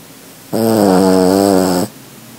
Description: For such a little dog, Rupert makes quite a bit of noise when he sleeps.